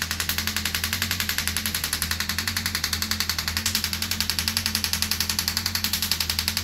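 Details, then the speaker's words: Shockwave therapy on an arm wrestler's arm at energy 3.2, set to what the patient can tolerate (the average is 1.8 with a small head); rapid, regular tapping, about 220 pulses a minute, over a low hum. "So whatever you can tolerate and get away with, that's the energy level I'm going to use."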